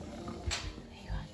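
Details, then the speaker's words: A single brief, sharp sneeze from a newborn lamb delivered backwards, clearing birth fluid after its body was rubbed to stimulate breathing. "There you are, another sneeze. Another sneeze, come on."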